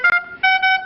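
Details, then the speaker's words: A Puritan Bennett 980 ventilator's patient-disconnect alarm, shown in a training demonstration: a loud, steady multi-tone electronic alarm in two bursts, growing louder once 60 seconds have passed. "this patient is actually disconnected and it wants to let the clinician know where should I prioritize where I'm going and to what room I'm going into"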